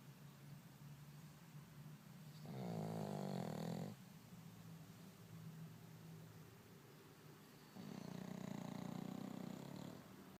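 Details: Two long, rumbling snores on slow breaths with quieter breathing between, in a small room; snoring.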